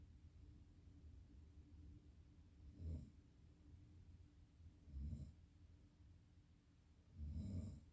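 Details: Three low, rumbling snores about every two seconds during sleep, against quiet room noise.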